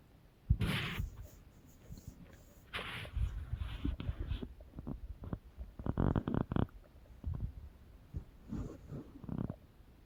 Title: Do you guys hear My Stomach growling